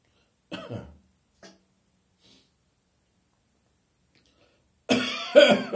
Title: Good Morning, Cough!